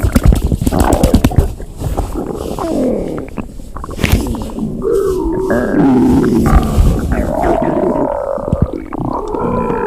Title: EXTREMELY LOUD and HUNGRY Stomach Growling